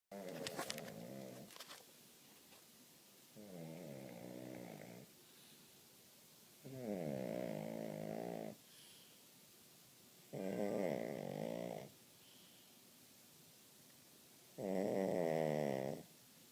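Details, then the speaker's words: Deep snoring while someone tries to watch a movie: regular, deep, fluttering snores recurring every three to four seconds, about 16 to 18 breaths a minute, in a quiet room. "you snoring. You snoring. you snoring, buddy."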